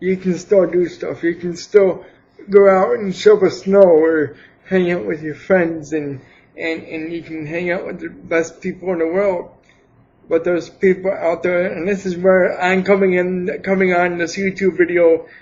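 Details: Dysarthric speech in an adult man with cerebral palsy for 28 years, attributed to lack of oxygen at birth; he could not speak as a baby, later began talking, and now speaks without an assistive device.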